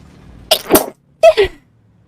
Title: Compilation of girls sneezes